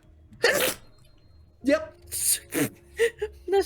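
A sharp explosive burst of air with a hissing tail, then further short vocal bursts, fitting a sneeze.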